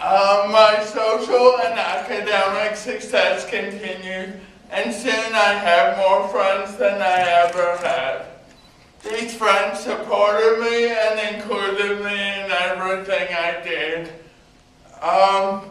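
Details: Male university speaker with cerebral palsy who needs a scribe for coursework; mild dysarthric speech in cerebral palsy.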